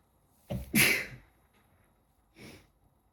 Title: Cold sneezing fit